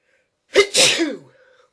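A single sharp sneeze: a quick indrawn catch, then a forceful burst of air trailing off into a brief vocal tail.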